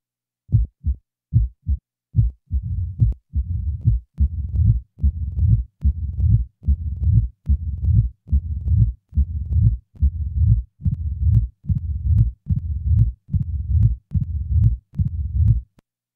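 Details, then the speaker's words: Simulated mitral stenosis heart sounds at about 71 bpm: a loud first sound, then a low rumbling mid-diastolic murmur introduced after the first few cycles, then added presystolic accentuation and an opening snap. "the following example will present each feature of mitral stenosis a loud first sound is followed by a mid diastolic murmur the murmur will be introduced after the first few cycles now a pre systolic accentuation is added followed by an addition of an opening snap"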